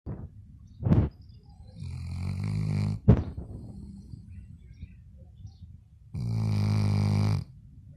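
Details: Labrador dog snoring: two long, low, drawn-out rumbling, growling snores with brief snorts between them.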